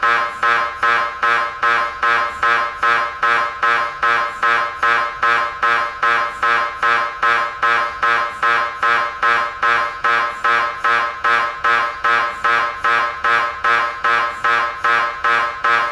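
Loud, steady rhythmic buzzing pulses, about 150 a minute, very regular; typical MRI scanner gradient noise.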